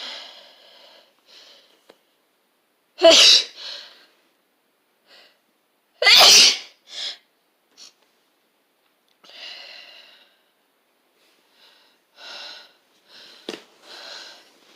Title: Sneezes attack